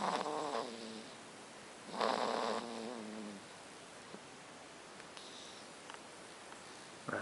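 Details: Two loud, buzzing, pitched snores about two seconds apart, then quiet breathing in a still room, from a sleeping son (child): snoring.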